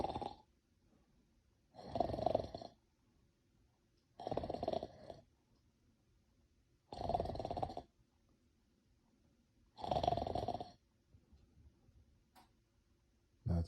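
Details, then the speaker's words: Simulated snoring by a person in bed to trigger an Alexa routine: five deliberate, rough imitation snores about every 2.5 seconds in a quiet room. "So, it's a snoring routine. So, let's say I fell asleep and start snoring."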